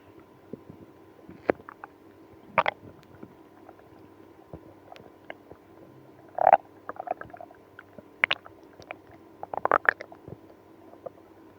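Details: Active bowel sounds (stomach growling, moaning) in someone with IBS after drinking milk and prune juice: scattered gurgles, squeaks and short rumbles over a faint steady hum.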